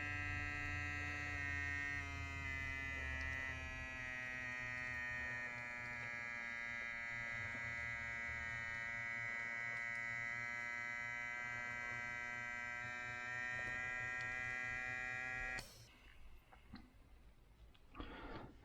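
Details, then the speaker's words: Steady motor whine with a buzzing pump note for about fifteen seconds, then a sudden stop and release, as a phone-started wireless wrist blood pressure monitor inflates; blood pressure cuff inflating. "so this one you just wrap around your wrists here tie it in it and then on your phone just click start it tells you how to and as you can hear it's filling up with air"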